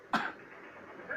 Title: batuk orang elit